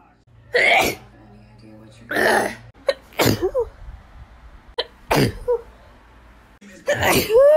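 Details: Compilation of adult sneezes: a run of forceful, abrupt sneezes, several in quick succession, with faint background hum.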